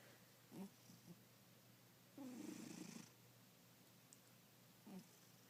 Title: Snoring cat